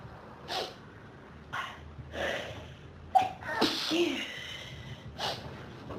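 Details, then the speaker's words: Four quick sneezes with sharp bursts and sniffing between, from a person with pollen and dust allergies since about age 14, triggered by a dusty room, nose burning; sneezing fit. "My nose is on fire. I just can't sneeze all the dust out of it. I keep needing more and more sneezes."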